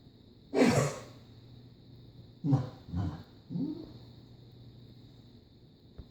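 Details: Four short, husky expulsive bursts, one strong then three weaker, from a coughing dog.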